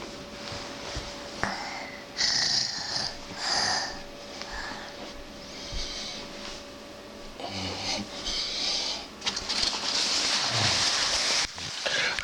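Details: Male sleeper recorded at 8AM: noisy, hissing sleep breathing with irregular snorts and rattly snores; said to be quiet compared with his much louder snoring in deep sleep 30 minutes after falling asleep.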